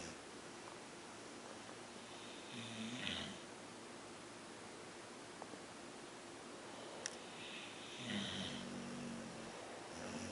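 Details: Two dogs snoring while asleep: two soft, low, rumbling snores about five seconds apart over a steady background hiss; quiet snoring.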